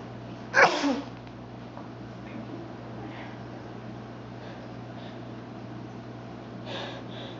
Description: I kept sneezing and sneezing. This is a normal day in my life!!